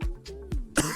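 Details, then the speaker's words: A quick run of about four short, harsh, raspy cough bursts from an adult man with a sudden inhale, sustained musical tone in background; cough. "gonna cough again. Oh man, if you guys could hear how raspy that was, my sudden inhale."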